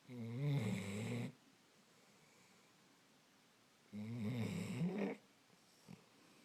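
Two loud, rumbling snores about four seconds apart, with quiet breathing between them. Ordinary snoring.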